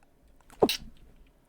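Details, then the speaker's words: A single loud, sharp adult morning sneeze with a brief voiced onset followed by a hissing burst. "You're welcome. That was like a high quality morning sneeze."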